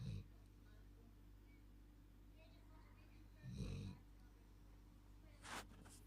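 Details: Labrador in deep sleep snoring: two low, rumbling snorts a few seconds apart over a steady low hum.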